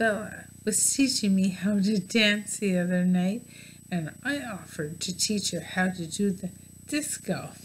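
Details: Adult woman diagnosed with bulbar ALS; mouth and some tongue muscles no longer work because they do not receive nerve signals for voluntary movement, affecting her speech; dysarthria.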